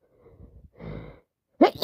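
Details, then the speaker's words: Person with a bad cold, sneezing constantly for three days and needing to blow their nose: soft breathy build-up and drawn-in breath, then one sharp, loud sneeze. "I've been sneezing and sneezing all day long. Well, for the past three days."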